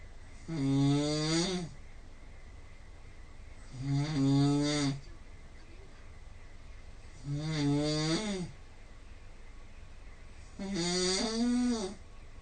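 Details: Adult snoring recorded overnight by the Snore Lab app, 5–8 a.m. after about 4 hours' sleep, snoring about 80% of the time, score 166: loud rattling snores on each inhalation, about 18 breaths a minute.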